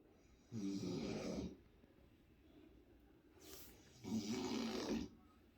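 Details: Brother snoring very loudly, filmed in the dark from an adjoining open loft bedroom: two long, rough, rumbling breaths a few seconds apart with quiet pauses; snoring.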